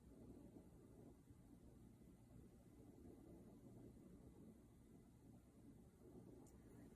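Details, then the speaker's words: Student nurse auscultates a male patient's iliac arteries with a stethoscope, 2 cm below the umbilicus on either side: only a low steady rumble, no whooshing bruit heard. "and then below the umbilicus two centimeters on either side will listen for the iliac arteries"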